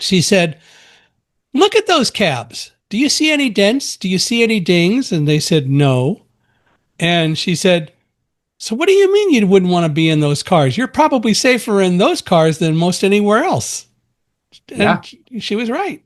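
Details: Adult man speaking; typical speech.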